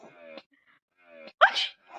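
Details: Mother's sneeze, which her baby girl finds fun: two brief voiced lead-in sounds then a sharp, explosive burst of air; sneezing.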